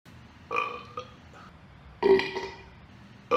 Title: Super Mario tonight (w/ Burps🤪)